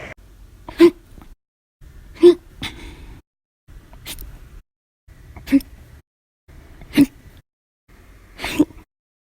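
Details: Six loud, abrupt hiccups with sharp gulping onsets, about one every 1.5 seconds; a violent, persistent hiccup bout.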